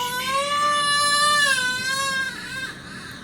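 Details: Newborn girl's first cry in the operating room at caesarean delivery under regional numbing, mother awake: strong, sustained cry with a clear, steady pitch that falls away at the end; soft room noise behind.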